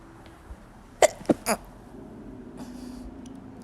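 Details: Three quick, sharp bursts of air in close succession, the last slightly longer, over a quiet room: a short run of sneezes from a woman with spring allergies.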